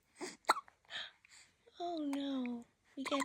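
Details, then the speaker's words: Newborn baby girl with hiccups: brief abrupt catches in her breathing, followed by a short fussy cry. "no you don't like the hiccups on Mama you're trying to be happy but man how do I do that with the hiccups how do I do that h it's hard"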